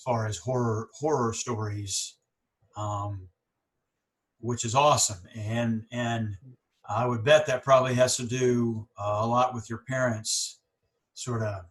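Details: Stuttering in a speaker on a podcast by and for people who stutter, with audible pauses and word repetitions.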